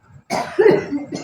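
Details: One harsh, strong cough with a brief voiced tail, then the start of another, from a woman with a persistent cough, a reflex cough triggered by inhaled spice smoke during alternative smoke therapy.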